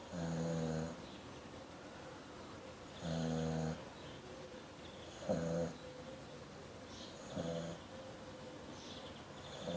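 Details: Dog snoring.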